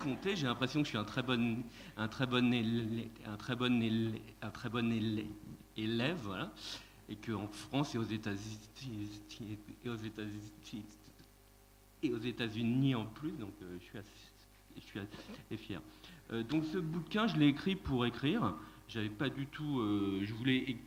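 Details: Adult man who calls himself a person who stutters, speaking at a stuttering association colloquium; repetitions audible; stuttering.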